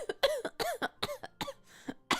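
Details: Adult woman coughing: a run of about six short, dry coughs in quick succession, with faint room noise.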